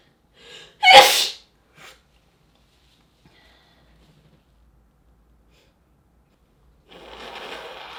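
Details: A brief inhaled catch, then one sharp, explosive sneeze and a small trailing breath, then quiet with faint noise returning near the end.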